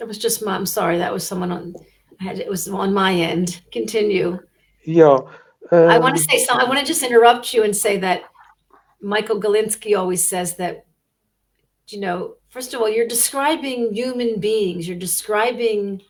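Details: Adult speaker, remote conversation; fluent conversational speech.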